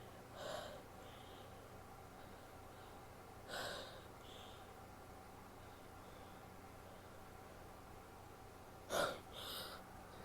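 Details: Female; quiet sharp gasping pre-sneeze inhalations with several false starts, short nasal bursts of brief sneezes, and a nose blow, in a quiet room; sneezing.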